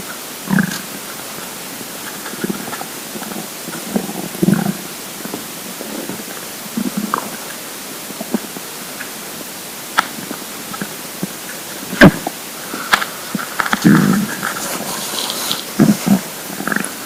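Scattered gurgles, squeaks and low rumbles over steady hiss; ordinary stomach rumbling of an empty, hungry stomach.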